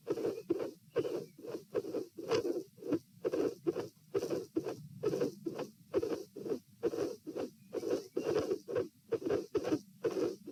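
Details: Heart sounds recorded through a stethoscope at the pulmonary area with the patient sitting, in a patient with a dilated aortic root: irregular rhythm, with premature atrial and ventricular contractions breaking an otherwise steady rhythm.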